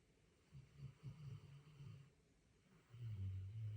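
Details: Soft, low, fluttering snores, two faint breaths close together, in a quiet room; gentle snoring.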